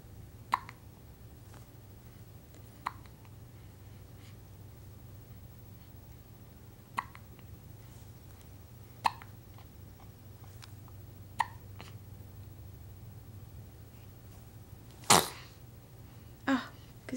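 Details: An infant hiccups about six times in short sharp catches at uneven gaps, then gives one loud sneeze: hiccups and sneeze.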